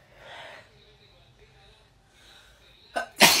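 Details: Reflex sneeze in a girl triggered by a COVID-19 nasal swab test: quiet breathy sounds, then a sharp intake and one loud explosive sneeze.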